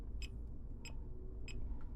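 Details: Regular short beeps from a fingertip pulse oximeter at about 95 a minute, one per pulse, over a low background rumble. It is measuring heart rate alongside a realme Watch 5 smartwatch, with readings of about 95–101 bpm.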